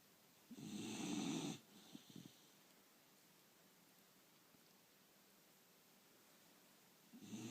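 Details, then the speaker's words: One loud, snort-like snore on an inhalation, then quiet, with the next snore starting at the end, as someone tells the sleeper to stop snoring; snoring. "Лилю ну посмотри Ну хватит храпеть"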